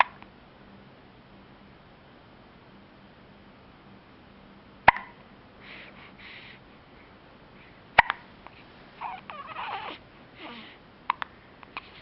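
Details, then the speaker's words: Two sharp, sudden hiccup sounds about three seconds apart, with faint vocal sounds between them in a quiet room; hiccups. "do you have a hiccup? Oh."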